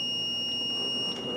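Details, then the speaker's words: Steady high-pitched electronic tone: a Zoll crash cart defibrillator charged at 75 J, ready to deliver a synchronized cardioversion shock, during ACLS training. "go ahead and press your charge keys and press your shock key until the shock is delivered"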